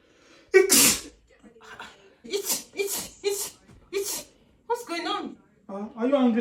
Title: My wife reaction after I sneezed three times will amaze you #funny #everyone #highlights #comedy